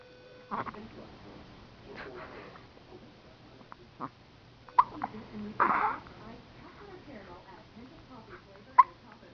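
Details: A baby girl with small, sharp hiccups every few seconds, about 15 a minute, between soft babbling, recorded in a dim room; infant hiccups.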